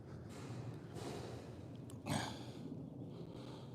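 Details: A single loud, noisy nasal blast of air over steady background noise, a snort from a show-jumping horse during a chiropractic neck flexion and extension check, recently back from rehab after stepping on a screw.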